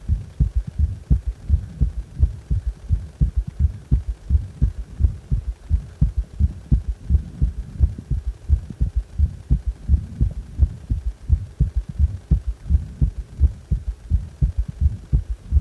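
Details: Steady low heartbeat near 86 per minute with a prominent extra soft low thud after each second sound, a gallop rhythm: third heart sound (S3).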